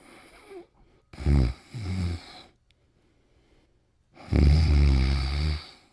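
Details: Cartoon snoring sound effect from The Pink Panther (1988 'Trouble Sleeping'): deep, rattling snores separated by quiet pauses: snoring.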